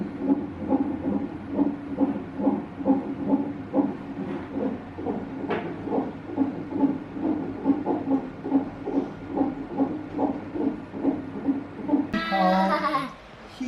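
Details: Fast, regular whooshing beats about 140 a minute from a fetal monitor, briefly masked by movement noise as the baby kicks; a normal fetal heart rate.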